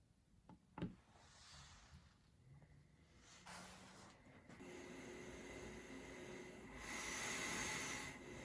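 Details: Travel CPAP machine recorded with a sensitive microphone held right up to the machine; steady airflow hiss and motor whir rising in loudness, with a brief beep: ordinary running noise of a travel CPAP machine.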